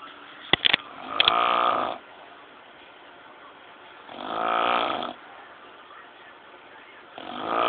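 Loud rattling snores on each breath, about every three seconds, with quiet pauses between; heavy snoring.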